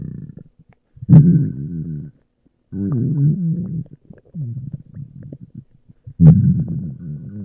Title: my stomach growling